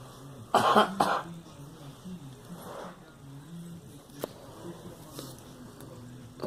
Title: Girl coughing